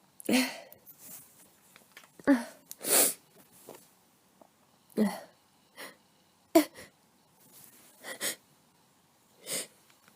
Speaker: Oh gosh. It's it tickles so much. I can't get it. Can't. I can't stop.